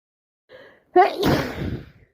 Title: More cold sneezes 🤧